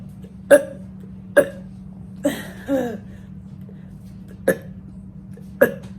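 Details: Woman doing a one-minute burping challenge, mentions acid reflex: short, sharp gulping sounds at irregular intervals in a quiet room, fitting hiccups.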